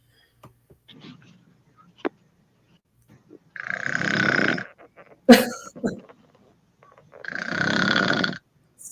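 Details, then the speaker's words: Woman snoring during sleep: two rough, rattling snores about three seconds apart, with faint clicks and small noises between them. "so cute it's hilarious but I mean I'm saying it's cute but to be honest on the serious side snoring isn't always cute you can have sleep apnea but this isn't sleep apnea that I have or someone else"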